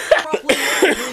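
A short run of three or four harsh, voiced coughs in a small room; a brief coughing fit.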